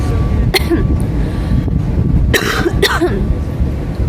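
Two or three short, sharp coughs over loud low rumbling background noise; an ordinary brief cough.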